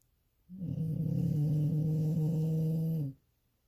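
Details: Dog snoring heavily while asleep: one long, loud, low, steady buzzing snore lasting about two and a half seconds; snoring.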